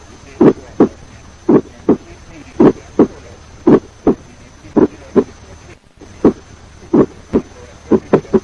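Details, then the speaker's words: Ten beats of ejection systolic click just after the first heart sound, played for comparison with a mid-systolic click; teaching recording. "Compare it with the ejection systolic. First, 10 beats of ejection systolic click, then mid-systolic click. Ejection systolic click."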